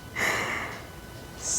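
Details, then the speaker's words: A dog's short, breathy snorting sneeze with a sharp hiss of air, followed by a softer exhale, heard in the background. "the last card we have a satellite and you can hear my dog sneezing in the background"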